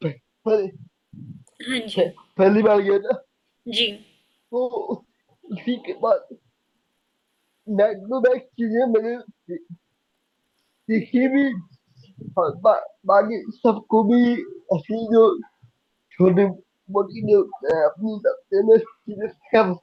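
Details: Young adult man with cerebral palsy since age 2; could not speak as a child and still needs double effort to speak, cannot say things clearly; dysarthria (cerebral palsy).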